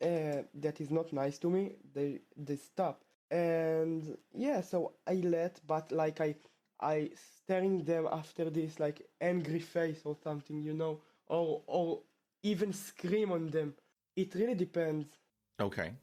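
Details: Stuttering in a male 12th-grade high school student from Israel who has stuttered since about age two; the stutter returned after two years of fluency.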